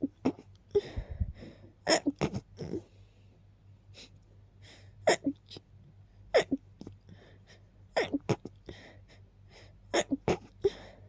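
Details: Rapid sneezing after smelling and keeping a friend's lilies nearby: quiet, repeated short sneezes in quick clusters with small catching breaths between them.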